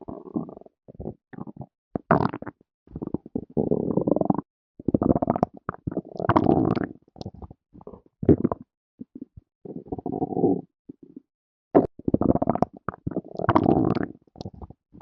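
Repeated loud gurgling and rumbling bursts separated by silent gaps; ordinary stomach growling as gas and fluid move through the gut.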